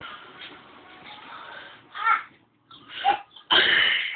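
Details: Quiet room noise, then two quick catching breaths build into one sharp, explosive burst of air: a single sneeze.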